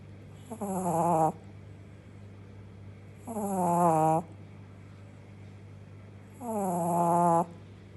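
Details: Sleeping Shih Tzu puppy: three rattly, buzzing snores about a second each on steady breaths around 21 a minute, faint room hum; snoring.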